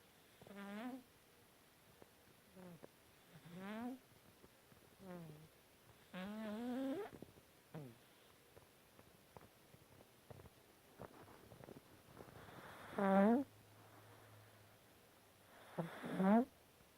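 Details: Cat snoring in sleep: soft, irregular buzzing breaths, some squeaky, about 20 a minute in a quiet room.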